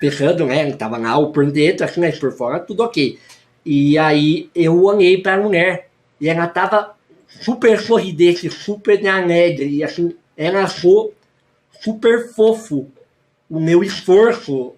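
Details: Adult male with velopharyngeal incompetence present since birth: air escapes through the nose during speech, vocal cords normal, late speech onset, about eight years of childhood speech therapy and a palatal expander, surgery not possible; hypernasal speech (velopharyngeal insufficiency).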